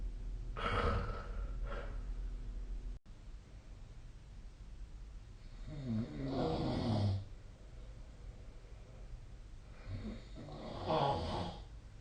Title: 🐽 Snoring Sleep Sound / いびきの音2025/05/31